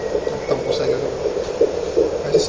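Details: Fetal heartbeat at 21 weeks of pregnancy on Doppler: fast, regular whooshing pulses at about 150 beats a minute, with 152 mentioned.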